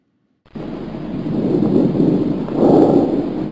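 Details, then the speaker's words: Normal bronchovesicular breath sounds heard with the stethoscope diaphragm between the ribs: steady, soft rushing breath noise that swells slightly later. "Here is a normal vicular sound. [Music] followed by an abnormal bronchial sound and a normal bronco vicular sound."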